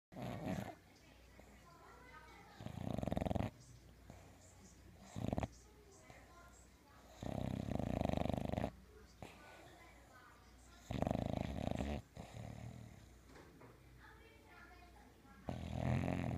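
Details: English bulldog snoring: loud, rattling snores on each breath, about four a minute, separated by quieter stretches; heavy snoring.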